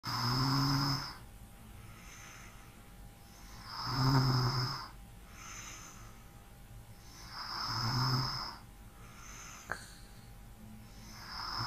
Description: RELAX AND FALL ASLEEP TO THE SOUND OF SNORING.